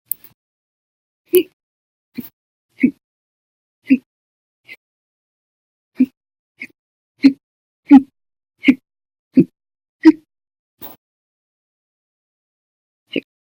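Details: Repeated short, sharp gulping hiccups, about 15 over 13 seconds, irregularly spaced, in a quiet room; a persistent bout that lasted over 10 hours after meals and a cup of soda; hiccups.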